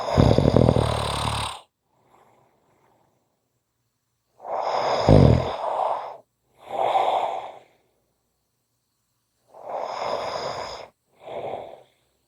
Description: Today is a short Audio, Friday's a long snoring audio.